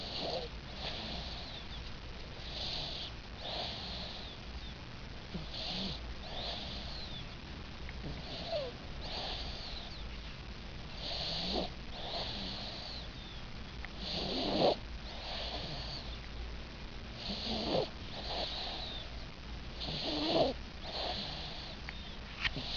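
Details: 5-month-old boy snoring in his sleep: soft, rhythmic, snuffly infant snoring over a steady background hum.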